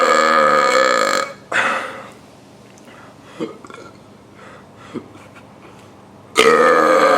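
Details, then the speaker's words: Three loud, drawn-out deliberate belches with quiet room noise between them, made by taking air down to the stomach and letting it out; burping. "hello this is today I'm going to show you how to burp step one take air to your throat to your stomach step 2 let it out"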